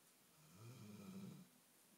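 One low, rumbling snore on a breath in, against quiet room noise; ordinary dog snoring.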